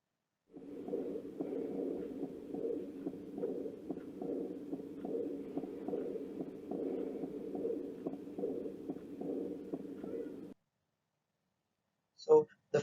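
Distinct first heart sound followed by a soft, fading murmur through diastole, without a clear second sound: diastolic murmur.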